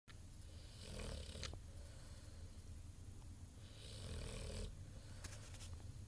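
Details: Soft rumbling snores with each breath, about 17 breaths a minute, against low room rumble from an 8-month-old ultimate mastiff dog sleeping; snoring.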